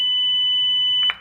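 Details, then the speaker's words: ZOLL AED Plus in a demonstration rescue: after analysis advises a shock, a loud, steady high-pitched tone ending in a brief click as the shock is delivered, followed by the prompt to start CPR. ">> Shock delivered. Start CPR."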